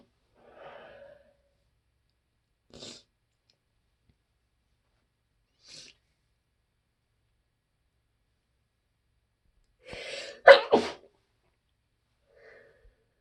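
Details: Person out of allergy medicine, at work: quiet sharp breaths then a muffled double burst, a stifled sneeze held back; sneezing.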